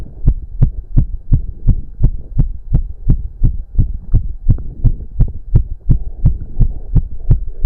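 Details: Male's racing heartbeat during a 30-minute cardio workout, with heavy breathing: fast, regular, strong heartbeat at about 170 beats a minute; sinus tachycardia from exercise.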